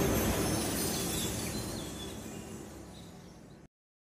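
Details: Buffalo calf grinding its teeth (bruxism): rapid, gritty grinding and scraping at about 167 strokes a minute. Worms or mineral/calcium deficiency are given as possible causes.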